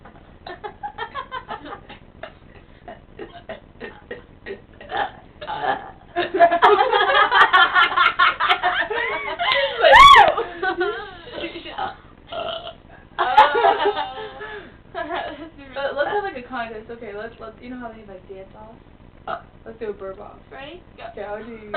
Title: burp contest